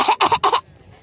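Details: A toddler, drinking water from an adult's cup, gives three quick, light, deliberate pretend cough bursts: voluntary fake cough, not an illness cough.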